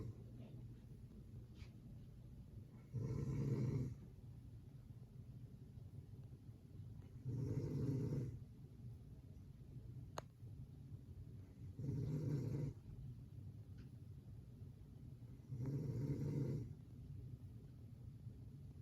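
Four regular low snores, one about every 4.5 seconds, roughly 13 breaths a minute, with steady room hum behind them.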